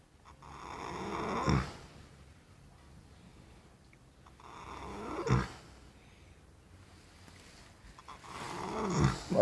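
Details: Tired, sleeping horse, addressed as "baby boy": slow, rough snoring breaths rising to a snort at each peak, roughly 20 a minute; snoring.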